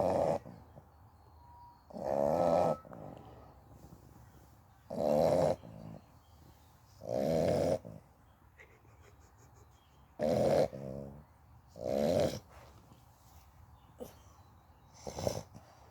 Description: Oreo the Amstaff x Bully XL is a loud snorer then any living human being.🤣🤣🤣